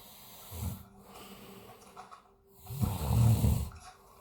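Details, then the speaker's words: Snoring from a sleeper lying down after the pool, said to snore ten times louder at night: two deep, rumbling snores, the second long and loud, with quiet breathing between; heavy snoring. "давай И как же он храпит А ну это вообще это на голову не дишь это надо накида чтобы не слышать как он храпит"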